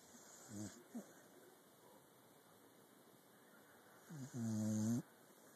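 Quiet room broken by short snorts, then a drawn-out, buzzing, voiced breath sound from a sleeping dog; snoring.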